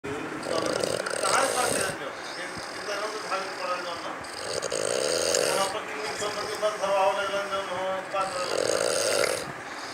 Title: डरावने खर्राटे (Scary snores)